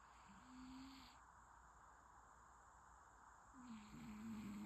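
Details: Sleeping cat: two soft, slightly whistling snore sounds about three seconds apart over steady room hiss; snoring.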